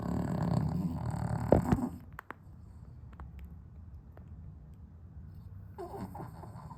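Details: Dog snoring with sleep apnea, on heart medication, on a hot 32°C day without air conditioning: loud rough snoring stops abruptly, several seconds of near silence, then breathing resumes.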